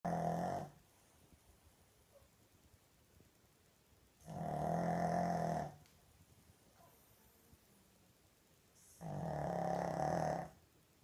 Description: Ted the Pug snoring ...😂